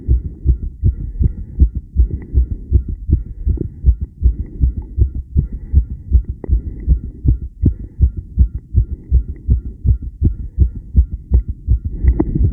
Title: Steady tachycardia heartbeat sound subj.-b1